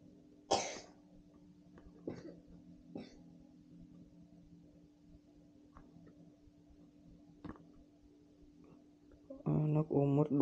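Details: Child with a cough: several short, isolated dry coughs in a quiet room with a steady background hum, then a burst of voice at the end.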